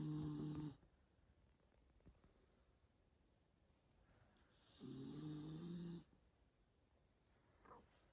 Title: Mini dachshund snoring